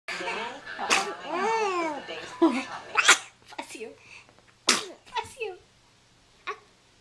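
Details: An infant's cooing hoots and squeals broken by several quick, sharp sneezes in a quiet room, recorded on a Flip Video camera: infant sneezing.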